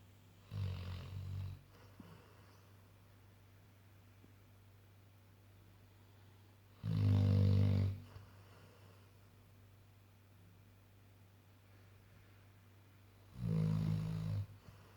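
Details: Loud snoring: three loud, low, rattling snores about six seconds apart, with quiet breathing between them, against a steady low hum.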